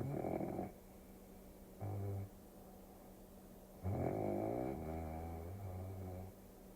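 Low rumbling snores with a growly edge over a steady background hum, in a relaxation soundtrack.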